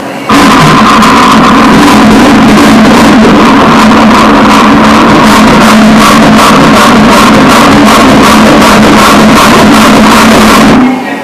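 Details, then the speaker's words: Rapid, regular whooshing fetal heart pulses on Doppler during an 18-week ultrasound of a boy, 147 beats per minute, a normal rate. "Aqui, 147, está normal. Então esse é o coração do bebê. E aqui são os batimentos cardíacos do bebê."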